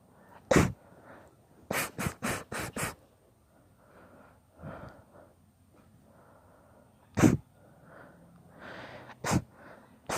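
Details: Induced sneezing fit: a long run of sharp, explosive sneezes, several in quick succession, with quieter breaths and sniffs between.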